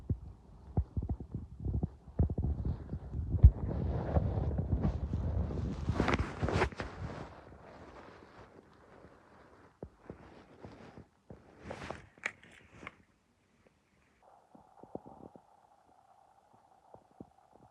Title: I’m starving listening to my stomach growls